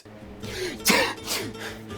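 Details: Short, harsh cough or throat-clearing burst with music behind it, performed in a comedy skit acting out types of sneezes.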